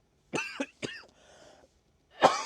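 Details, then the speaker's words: Repeated harsh coughing fits from an adult woman who says she has been ill, with a lingering cough triggered whenever she speaks and a voice loss about a week earlier; faint breaths between bursts. "Excusez-moi, mais j'ai été malade et cette nou veut pas partir dès que je parle, je tousse à mort."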